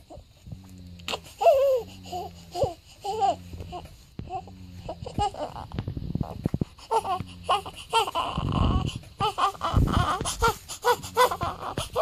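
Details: Day-7 newborn crying in short bursts with fussing and whimpers in a small room, recorded around a weigh-in showing another 4-gram gain; an ordinary infant cry.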